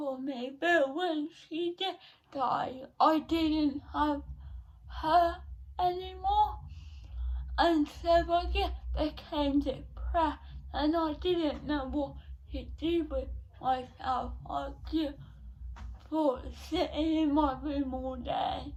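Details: 17-year-old female with cerebral palsy since birth, diagnosed at 14 months, which she says affects her speech; speech therapy from an early age; dysarthria.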